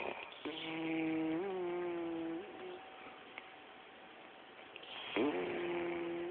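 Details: Two people snoring: long, droning, buzzing snores with steady pitch separated by quiet pauses; loud snoring.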